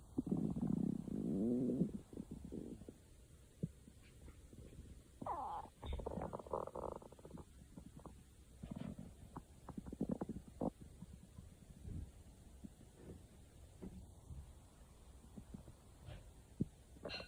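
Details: Low gurgling rumbles and squeaky, bubbling gurgles between quiet stretches: normal stomach growling (borborygmi) from gas and fluid moving through the gut.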